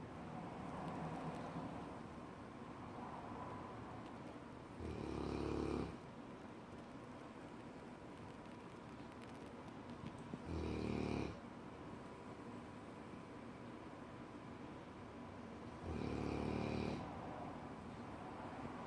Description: Lola my cane Corso snores so loud